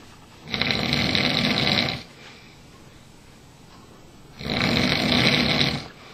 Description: Dad sleeping on a couch